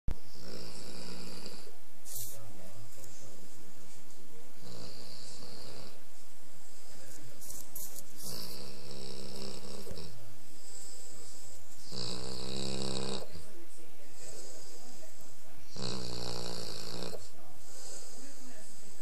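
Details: Female Saint Bernard who fell asleep right after coming home tired from a few hours of meeting many people; loud, rough, rumbling snores, about 13 breaths a minute, on a heavily distorted recording; dog snoring.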